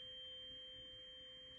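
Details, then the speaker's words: Tuning fork Rinne test during a head-to-toe assessment by an FNP student on a female patient who says when she stops hearing it; steady, fading pure ringing tone; cranial nerve VIII (cochlear) intact, hearing intact. "Next, we're going to go ahead and do the Ryan test. Tell me when you don't hear it."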